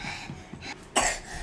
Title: cough #shortvideo #crazycough